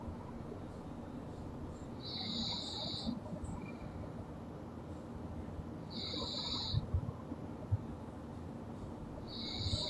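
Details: Loud snoring from a sleeping girl: rough, rattling breaths with a repeating whistling edge about every four seconds, roughly 15 breaths per minute.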